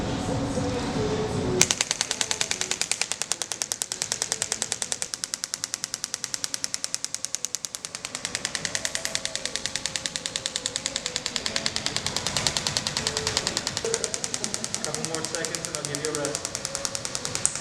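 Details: Extracorporeal shockwave therapy on the heel and foot at a first physical therapy session, two days after a PRP injection, described as very painful: rapid, steady mechanical tapping at about 200 pulses per minute with faint music.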